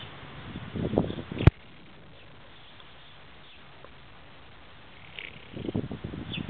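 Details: Heavily pregnant alpaca snoring during a nap, two low rough rumbling breaths a few seconds apart, with a quiet pause and brief sharp click.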